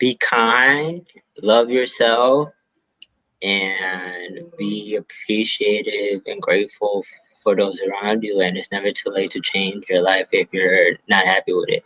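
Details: Adult male stand-up comedian with a self-reported stutter, speaking in an interview; stuttering.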